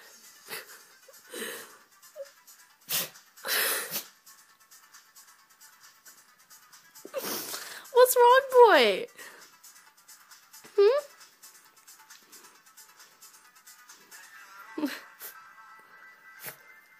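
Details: A dog's sneezing fit after something got in his nose, not serious: a run of sharp, forceful nasal bursts, with music in the background.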